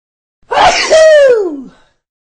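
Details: Single sneeze: a sharp inward catch followed by a loud voiced burst that trails off.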